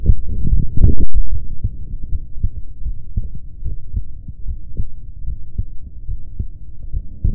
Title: MY HEARTBEAT #39